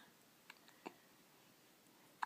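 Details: Baby with hiccups: faint, abrupt little clicks about a second apart in a quiet room.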